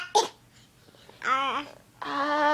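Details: Young child, a niece, imitating a cough/sneeze; a single short cough burst, then voiced sounds and babbling in a quiet room; imitated cough.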